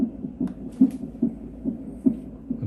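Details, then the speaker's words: Fetal non-stress test on an electronic fetal monitor (cardiotocograph), normal range given as about 120–160, reading stated as about 130: rapid, regular whooshing thumps from the Doppler probe, a normal fetal heartbeat. "그냥 심박동 의 정상 범위의 는 120 에서 162 라거나 먼저 에게 좀 줘 내당 60을 넘어가거나 122 아이일 때 돼 있어요"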